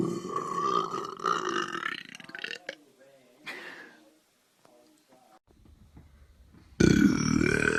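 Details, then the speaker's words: Voluntary burps on command for a challenge, several long loud rumbling voiced belches in a row; burping. "the burp on command challenge accepted"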